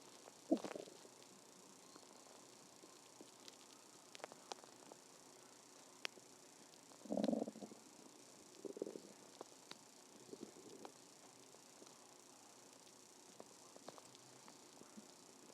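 Quiet background with a few short gurgling, rumbling bursts and faint clicks; ordinary stomach growling from gas and fluid moving through the gut.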